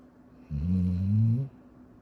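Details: Snoring during sleep: one low, rumbling inhaled snore lasting about a second, with quiet room noise around it.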